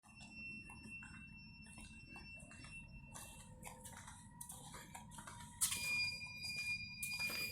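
High steady electronic tones and chirps from an ICU ventilator, with clicks and soft room noise.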